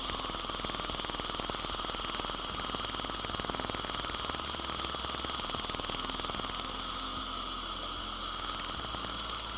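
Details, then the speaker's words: Rapid, even tapping, about four pulses a second, over hum and hiss: a cool dental laser firing in short bursts while removing decay from a cavity near the gum line, after power was lowered for cold sensitivity. "that little tapping sound you hear is the laser energy as it comes out in little bursts like that"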